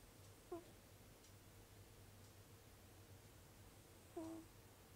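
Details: Sleeping cat snoring with a nasal whistle, about one minute into the recording: two brief, high whistling tones with its breaths.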